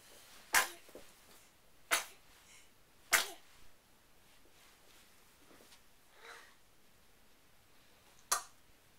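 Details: Four short, sharp sneezes spaced a second or more apart, with faint snuffles between them in a quiet room, from a sneeze montage; repeated sneezing.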